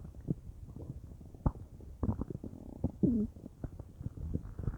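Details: Bowel sounds (borborygmi) from a person's belly, unsure whether stomach or intestines, whole belly felt bubbly: low gurgling and bubbling rumbles with short squeaky gurgles.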